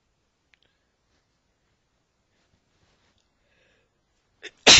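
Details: Man's sneezing as his allergies act up: repeated quiet build-up breaths with a short inhaled catch, then one loud explosive sneeze at the end.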